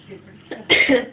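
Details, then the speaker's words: Young girl gives a single short, forced, pretend cough for fun. "you're cool oh is that cuz you got a bad cough"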